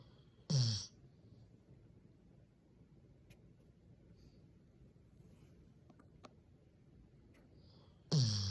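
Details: A sleeping black Labrador gives two loud, low, snorting breaths about eight seconds apart: dog snoring.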